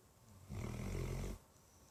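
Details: Pet dog asleep: a single loud, low, rumbling snore under a second long, deep and human-like, like an old man; snoring.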